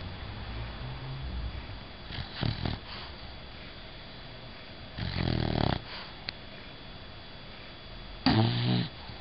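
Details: Loud, rattling, snorting breaths from Bella, a sleeping bulldog, three standing out against steady room noise: snoring.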